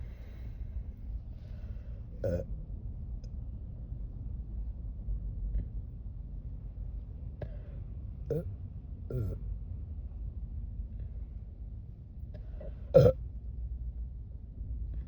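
About five brief burps, one of them loud, over a steady low background hum. These are ordinary belches after swallowing air.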